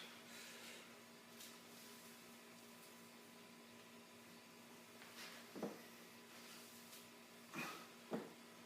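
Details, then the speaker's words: Adult doing an overhead squat with a PVC pipe; a few short, dull clunks over room hum. They suspect snapping hip syndrome, the psoas tendon snapping over the hip joint. "know if you can hear that that's my hips napping I think I have pretty sure i have snapping hip syndrome it's when the hip flexor the psoas tendon snapped over the ball and you can hear it"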